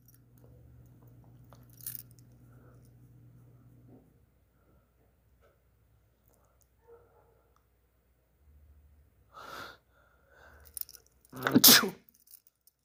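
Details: A boy draws a quick breath, then gives one sharp, explosive sneeze after a quiet stretch, among repeated sneezes.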